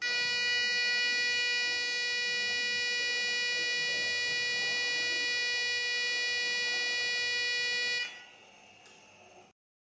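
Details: Simulated heart monitor sound effect: steady, sustained electronic tone for about eight seconds, then silence.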